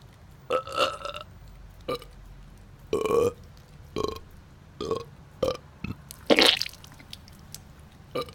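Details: About nine short, voiced burps in quick, irregular succession, with one higher, louder burp near the end; burping.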